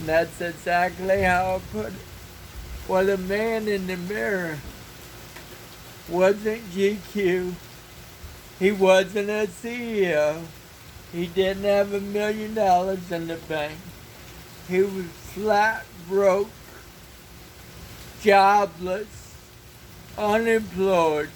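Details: Dysarthria in an adult man who has lived 49 years with cerebral palsy and describes a speech impairment; he reports that some words take extra effort and that the following words come with struggle.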